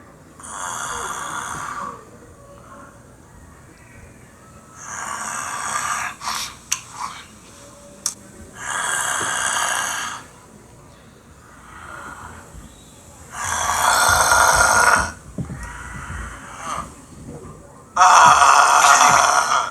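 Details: Simulated cartoon snoring from a stick-figure animation: noisy breathing bursts about every four seconds with faint background music; snoring.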